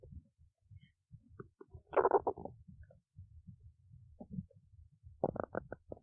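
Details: Quiet gurgles and squelching bursts with short pauses: ordinary stomach growling (borborygmi).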